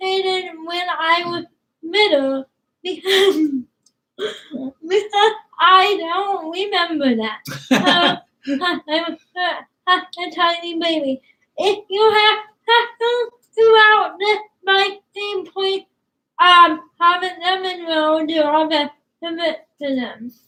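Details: Young woman with cerebral palsy, sometimes hard to understand per parents, started talking late and worked with a speech pathologist on sounds such as plosives; dysarthria (cerebral palsy).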